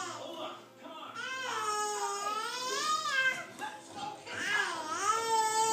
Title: crying daldal